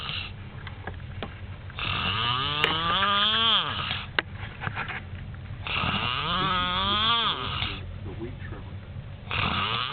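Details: Male who snores all night, even with the light on: loud, droning snores with a rising and falling groaning tone, about 16 a minute; heavy snoring.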